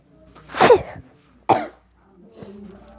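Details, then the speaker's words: Person sneezing: two quick, high-pitched, squeaky sneezes in close succession, described as kitten-like and weird, followed by a faint breath. "that was the weirdest sneeze I've ever done but oh well"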